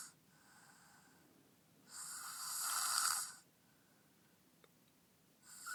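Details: Snoring from a very tired male sleeping deeply in a quiet room: a soft breathy snore on the in-breath, then a louder hissing rattle.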